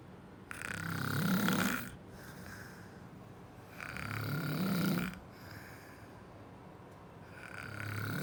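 Loud, rough, rumbling snores on each breath, a slow sleeping rhythm of about 18 breaths a minute, with quieter breathing between.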